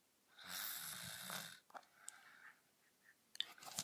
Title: Girl Snoring Deeply